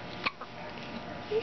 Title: Baby Hiccups